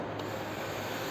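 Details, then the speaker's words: Philips Respironics Trilogy ventilator on a test lung, active circuit, CPAP/PSV mode: steady rushing hiss of air leaking from the circuit during the expiratory phase. "can hear the voice. The air is leaking by the expiratory phase."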